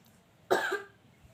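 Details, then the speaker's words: Effective cough technique demonstrated by a nursing student: three deep breaths in and out, then a single strong, deliberate cough to clear phlegm. "Hai selanjutnya saya akan mencontohkan cara batuk efektif dan juga nafas dalam"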